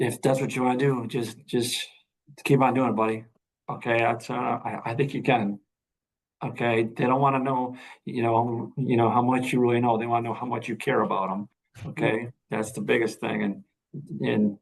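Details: Adult veteran high school coach and special education teacher who stutters; stuttering.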